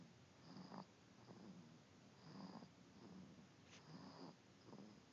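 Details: Soft, rhythmic snoring with a light purring rattle on each breath, about 36 breaths per minute, in a quiet room.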